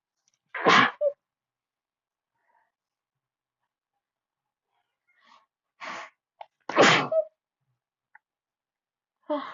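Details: Sneezing fit at a desk: two forceful sneezes with sharp inhalations before each, separated by quiet, then a third sneeze starting.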